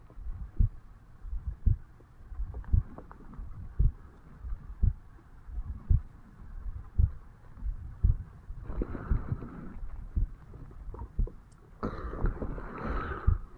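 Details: 35-year-old man's own heartbeat recorded at the mitral (bicuspid) valve area on waking in the morning: regular low thumps at about 56 beats a minute, some rubbing noise toward the end; normal resting heart sounds.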